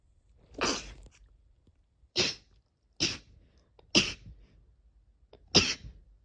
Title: sneeze 51-60